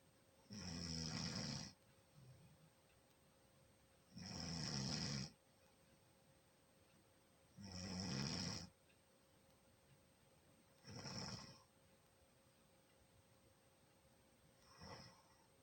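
Loud rattling snores on each in-breath, about five over fifteen seconds, roughly 18 breaths a minute, fading toward the end; faint steady hum behind.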